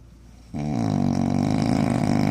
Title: pag ikaw ba makakatabi nito makakatulog ka kaya' #shorts #snoring